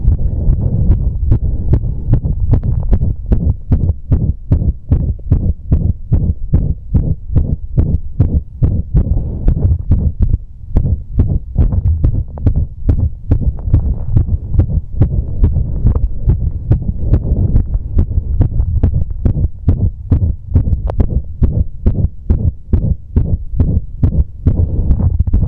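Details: Visible heartbeat recorded after exercise: fast, loud thumps around 140/min with uneven spacing between beats, an irregular heartbeat.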